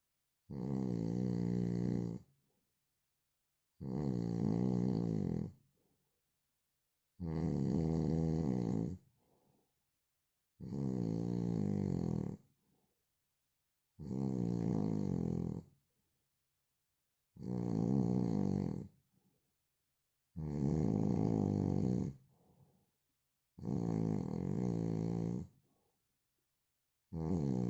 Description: Original sound of man snoring...